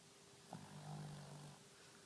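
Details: Snoring: one low, rumbling, drawn-out snore of about a second over steady room hum.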